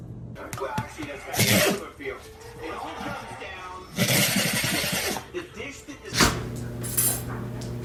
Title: Dogs sneezing like crazy #dog #funny #funnyvideo #funny dog